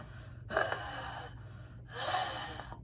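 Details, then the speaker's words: Imitated wheeze: two breaths out with a faint whistling, musical edge, demonstrating wheezing heard on the exhale, contrasted with croup stridor heard on the inhale. "it is not wheezing it is different from wheezing wheezing is a noise that you hear on the exhale like this"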